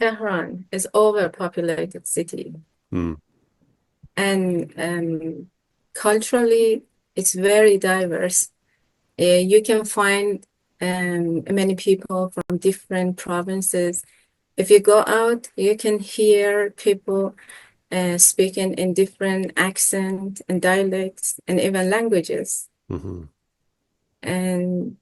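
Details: Adult speaker; ordinary speech.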